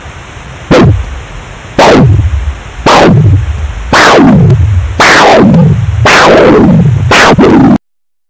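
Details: IMUSA Falcon PRO Doppler: loud, regular whooshing pulses about 56 a minute, each fading after a sharp onset; Doppler audio of pulsing blood flow.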